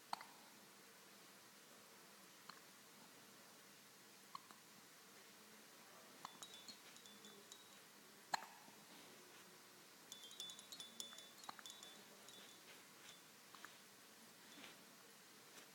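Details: Soft, sharp little catches about every two seconds, roughly 28 a minute, in a quiet room, while studying a toy giraffe: hiccups.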